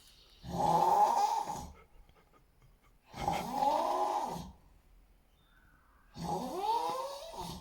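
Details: Snoring while asleep: three loud, rasping snores about three seconds apart, roughly 20 a minute, with quiet pauses between; heavy snoring.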